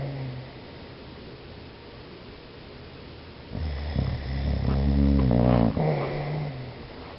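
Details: Sleeping dog Buscuit: quiet breathing, then one loud, low, rumbling snore with a fluttering rattle; ordinary dog snoring.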